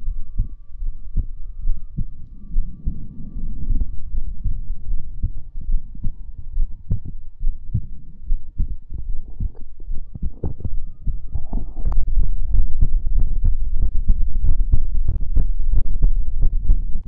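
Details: Close-miked heartbeat recorded for ASMR relaxation: rapid, steady low thumps over a faint hum.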